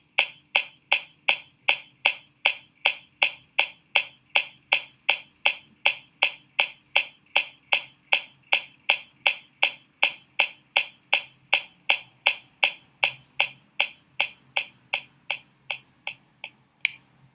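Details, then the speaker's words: Dull percussion note over the right hypochondrium caused by the liver: low intensity, high pitch, brief duration. "Está, chicos, eso que escucharon anteriormente es el sonido mate, que normalmente lo vamos a encontrar en el hipocondrio derecho y va a ser por el hígado."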